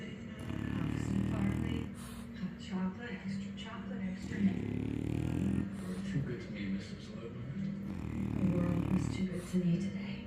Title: Snoring in-between my legs #puppy #cutedog #dogsleeping #fyp #shorts #funny #sleepy